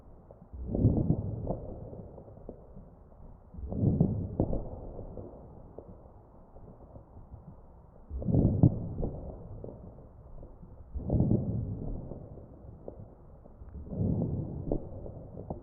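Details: Crackles heard over the chest of a real patient on a ventilator, recorded with an electronic stethoscope.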